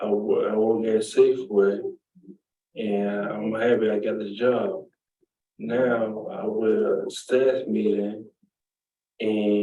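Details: Woman with aphasia after a stroke almost 3 years earlier, with constant word-finding (tip-of-the-tongue) difficulty.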